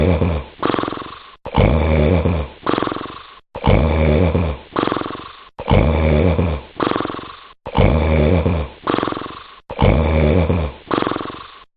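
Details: Loud rattling snores repeating steadily at about 15 breaths a minute, each a long harsh inhaled roar followed by a shorter rumble, from someone asleep.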